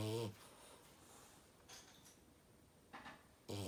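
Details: Short, loud snorting snores at the start and end with quiet breaths between them, from a French bulldog; snoring.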